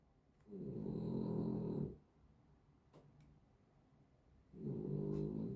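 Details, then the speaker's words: Two long, rumbling snores from Luna, a sleeping dog, separated by quiet breaths out, on a hot day; ordinary sleep snoring. "Bonne nuit Luna. Luna qui ronfle, vous l'entendez je pense dans la vidéo."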